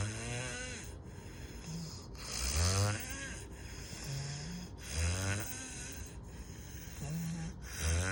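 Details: Loud snoring: rattling snores in a steady sleep-breathing rhythm, roughly three breaths in eight seconds, over a hissy background.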